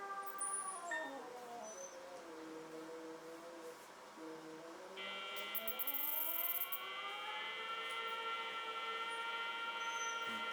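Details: Sliding, steady electronic phaco machine tones during cataract surgery in an elderly woman with a hypermature cataract and fibrotic calcified anterior capsule, after vitrector-assisted capsulotomy, as the moderate-density nucleus is chopped and emulsified.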